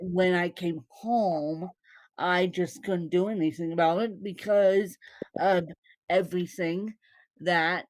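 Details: Adult woman born with cerebral palsy; no speech disorder is named, so dysarthric speech in cerebral palsy is the presumed finding.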